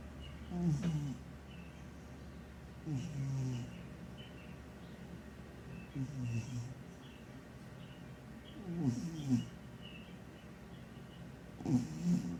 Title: Snoring (and dreaming) cat sounds like an old man